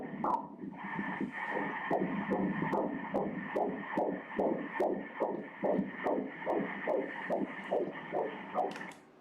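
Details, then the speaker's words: First pregnancy at about 13 weeks 6 days, with the fetus moving: rapid, regular whooshing pulses, about 146 per minute, on Doppler ultrasound; normal fetal heartbeat. "[دکتر] حرکت می کند، به ضربان قلب کودک توجه کنید."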